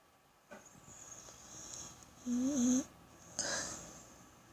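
Soft breathing, then a loud whistling, whiny tone and a second noisy breath sound; a sleeping animal snoring.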